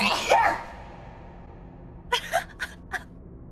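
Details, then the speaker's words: A single loud sneeze during a game stream, followed by a few short bright vocal sounds over a faint background hum. "so proud i finally sneezed everyone i sneezed in the funny echo box yay"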